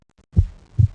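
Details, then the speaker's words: Heart murmur: two low heart thumps with a faint extra whooshing sound, an abnormal sound beyond the normal lub-dub heard with a stethoscope; possibly present from birth or developing later, usually from an underlying heart condition. "the murmurs may be present from birth or may develop during later life they are usually a result of some underlying heart defect or condition"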